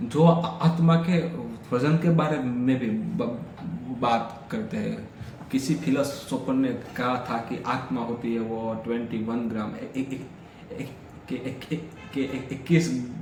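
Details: Adult man with stammering, especially on vowel-initial words and fa, pra, ja and na sounds, counting backwards from 200 in sets of ten on one breath as daily fluency practice (day 3 routine); stuttering (stammering).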